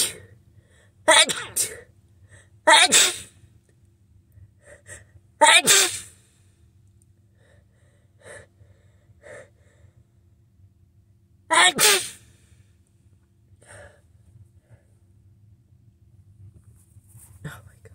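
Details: Four forceful sneezes with short gasping in-breaths between, from someone sick with a head cold, congestion in the nose; sneezing.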